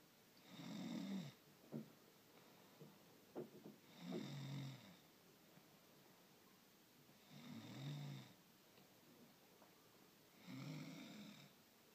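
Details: Four rhythmic low rattling snores about every three seconds, roughly 18 breaths a minute, quiet room; snoring.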